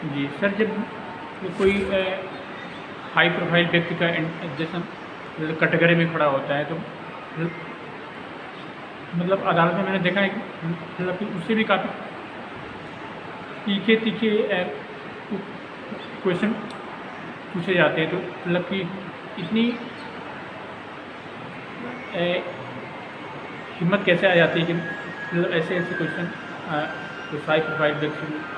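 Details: Interview about stammering with an adult male advocate; many long pauses break up short phrases; stuttering.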